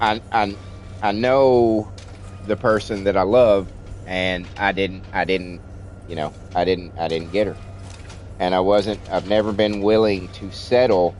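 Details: Stuttering in an adult man born 1975, with childhood-onset stutter treated with speech classes in kindergarten and first grade; he says it is milder than in childhood but audible when he talks a lot.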